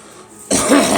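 A single abrupt cough from a girl follows a brief quiet moment.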